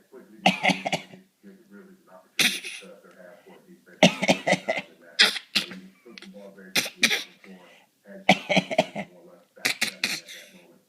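Repeated short, voiced cough bursts in clusters, deliberately produced by people taking turns.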